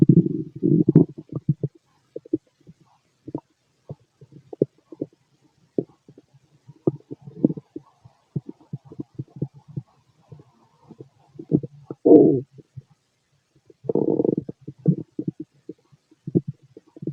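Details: Male stomach growling, loud, from a healthy digestive system: irregular gurgles, squeaks and low rumbles in bursts with pauses between; normal bowel sounds.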